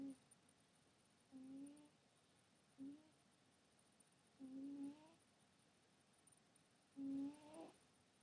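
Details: Sleeping cat snoring: soft, faintly tonal snoring breaths about every 2–3 seconds in a quiet room.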